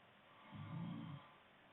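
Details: A girlfriend snoring in her sleep: a single soft, low rattling snore lasting under a second against quiet room hiss; snoring.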